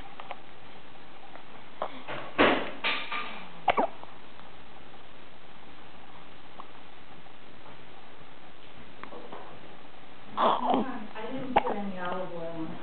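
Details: Baby hiccuping: a few abrupt, gulping hiccup sounds with brief fussy vocal sounds and room noise.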